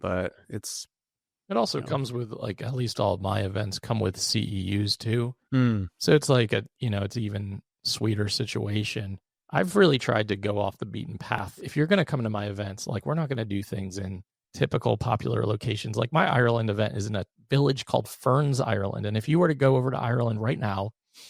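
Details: Adult male with unilateral vocal cord paralysis after open throat surgery for a rare chronic recurring throat condition (endoscopic surgery 2021, recurred within 4 months); voice improved but still has vocal fry and gives out for the day once tired.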